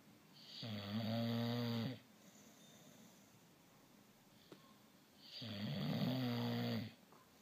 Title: Snoring babies